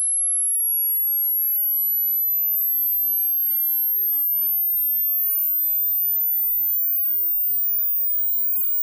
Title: Hearing test or to match your TINNITUS freq